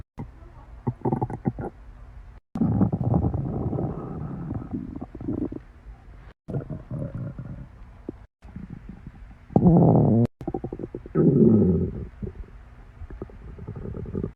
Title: N stomach growl